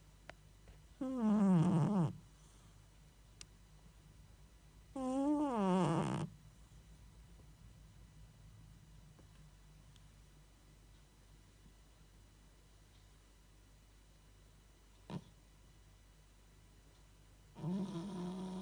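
Two loud rattling, voiced snores, then quiet, and a third snore starting at the end; snoring in a sleeping cat.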